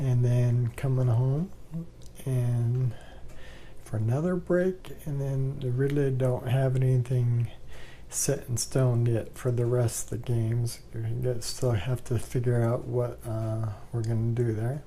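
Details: Adult man with ALS, 2 years 3 months after diagnosis, with worsening bulbar dysarthria, swallowing problems attributed to throat muscle spasms and increasingly laboured breathing.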